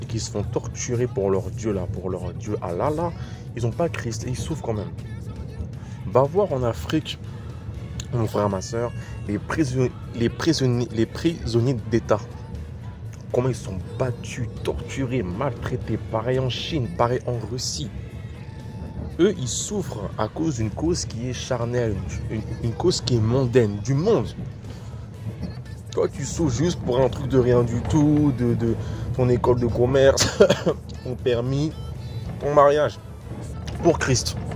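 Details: Stuttering in a French-speaking man who describes it as a terrible stutter and attributes it to witchcraft.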